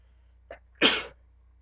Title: Back for More Sneezing